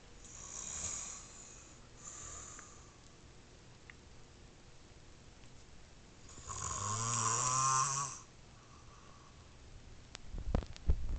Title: Another snoring vid....good!